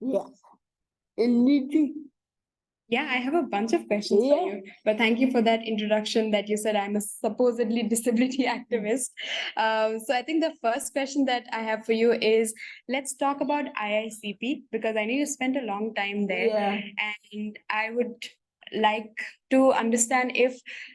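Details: Adult woman speaking; typical speech.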